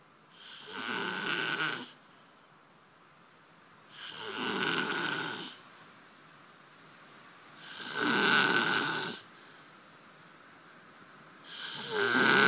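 Loud, harsh, rasping snores at a steady rhythm, about 16 a minute, each lasting over a second.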